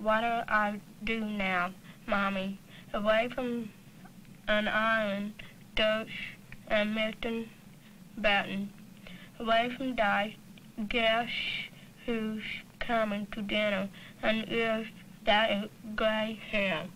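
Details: Speech of a girl attending a summer speech clinic because of hearing loss, learning lip reading and working on final sounds and D and G sounds; speech of a child with hearing loss.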